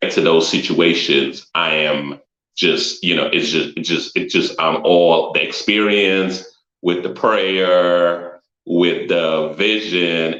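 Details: Adult man with a stutter, noticed when he first introduced himself publicly; repetitions and frequent "um" fillers heard. Finding: stuttering.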